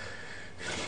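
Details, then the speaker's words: Sleep apnea teaching recording: a mixed apnea with no sound and no airflow into the lungs, then the carotid bodies increase respiratory effort and he breathes again, giving a sudden loud snorting gasp after near silence; recovery gasp after apnea. "it is an ethnic event eventually the carotid bodies in his carotid artery will will actually crease respiratory effort and now he breathe okay"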